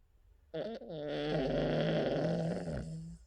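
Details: King Charles Cavalier puppy dreaming and snoring in sleep: a single long, low, nasal snore with a groaning, voiced quality.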